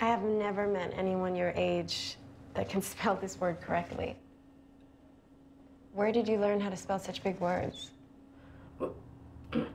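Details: Adult woman, acted dialogue; ordinary speech.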